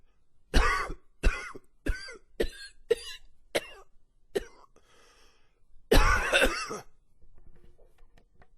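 A run of about eight harsh coughs with a rough, wheezy edge, then a longer strained cough with gagging; a persistent wheezy cough.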